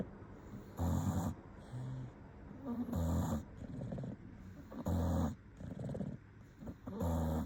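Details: Loud rattling snores at about 15 breaths a minute with quieter exhalations between, from a sleeping, possibly dreaming English bulldog: snoring.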